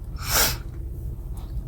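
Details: A single brief, sharp sneeze from a woman vlogger, over low room hum.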